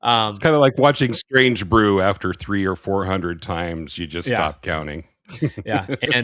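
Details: Adult male speaker; Normal conversational speech.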